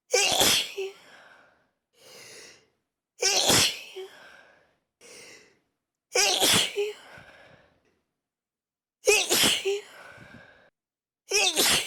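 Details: Sneezes brought on by chhinkni powder: four loud, sharp sneezes, each followed by a brief softer sound, about one every three seconds, with music in the background; sneezing.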